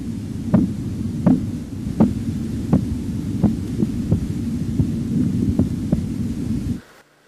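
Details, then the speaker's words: Regular soft tapping beats, about 80 a minute, over a steady hum, ending abruptly as sounds disappear (phase V, diastolic pressure): Korotkoff sounds in manual non-invasive blood pressure measurement. "korkova determinazione della pressione arteriosa diastolica si deve scegliere la fase quinta dei toni di korotkov"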